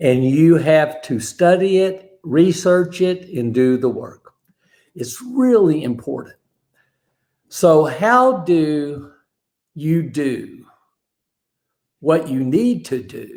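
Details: Aphasia after a stroke in a man, described as an invisible disability; real live-stream monologue; aphasia.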